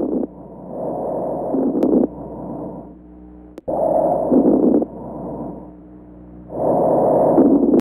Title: CRACKLES ABNORMAL LUNG SOUND